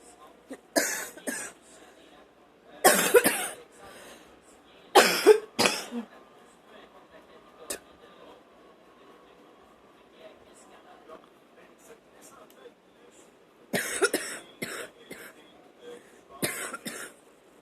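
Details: Adult coughing repeatedly while watching TV: harsh cough bursts in clusters, separated by quiet room noise; cough.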